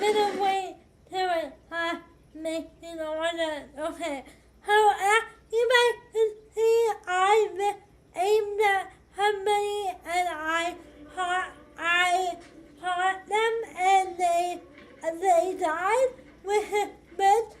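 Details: 25-year-old woman with cerebral palsy affecting hand movement and walking, speaking during a live gaming stream; dysarthric speech in cerebral palsy.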